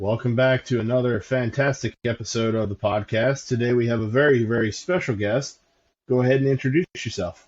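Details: Adult male speaker (podcast host); normal voice.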